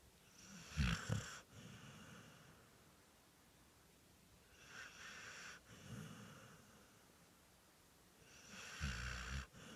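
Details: Loud, coarse snores on each inward breath, about 15 breaths a minute, with quiet pauses between; snoring.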